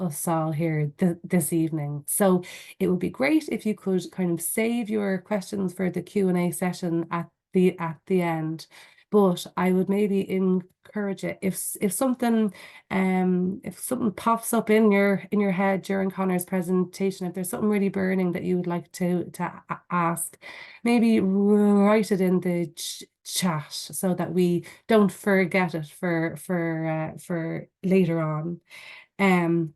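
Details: Stuttering (stammering) in an adult woman who stammers, with repetitions heard in her conversational speech.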